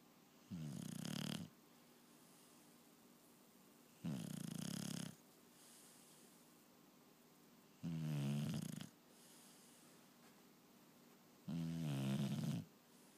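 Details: Loud rattling snores on each breath, about every 3.5 seconds (roughly 16 to 17 a minute), with quiet gaps between; snoring.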